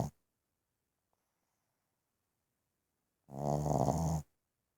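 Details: One-year-old Boston terrier sleeping; one loud rattling snore after a silent pause, typical flat-faced dog snoring.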